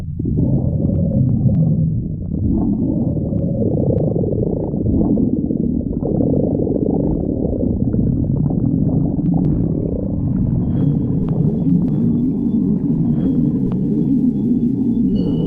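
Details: Hungry stomach growling (borborygmi): continuous loud, low rumbling and gurgling, a normal sound.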